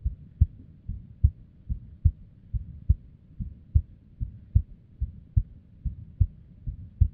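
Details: Female at rest with an unstable heartbeat, arrhythmia and abnormal beats: low heart thumps at about 70 a minute with uneven spacing and varying strength, an irregular rhythm.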